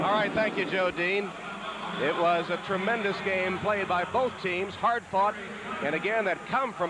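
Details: Adult male sportscaster; Normal speech.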